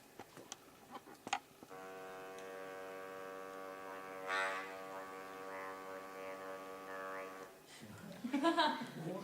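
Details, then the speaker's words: Electrolarynx speech demonstrated as used after loss of voice: flat, mechanical buzzing voice at one unchanging pitch set by this device, shaped into hard-to-follow words. "now I would always kind of sound like that because that's the tone of this particular Electro larynx"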